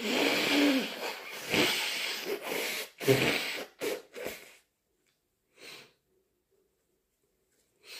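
Several loud, forceful sneeze bursts with sharp intakes, then quieter sniffs and breaths; repeated sneezing from allergy.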